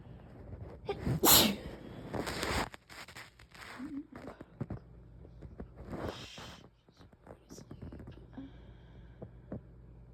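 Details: A person in a sneezing fit while trying to sleep, with lots of mucus: several sneezes in close succession with sniffs and breathy catches between them.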